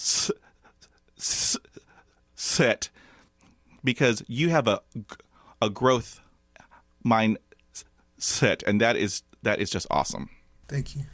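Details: Stuttering in an adult male medical student; it became more pronounced around age 6 or 7, his mother and uncles also stutter, and it is now more overt, with blocks and facial tension.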